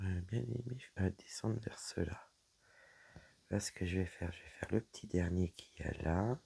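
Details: Woman whose vocal cords were damaged by a serious health problem; her voice is deeper than before, at times she has little voice, and she cannot speak loudly; she also reports a frog in her throat; dysphonia.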